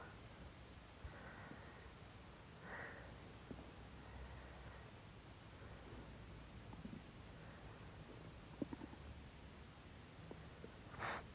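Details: Soft, low gurgling rumbles from a man's belly over quiet room noise; ordinary stomach growling.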